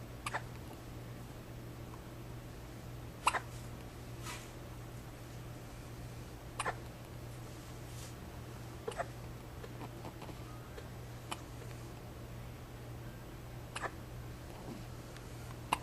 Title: Early Hiccups.wmv